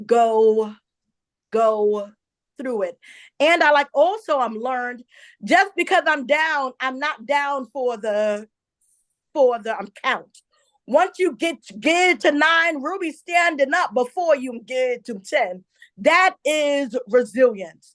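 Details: Adult woman who identifies herself as a stutterer and says listeners will hear her stumble on some words; real, self-reported stuttering.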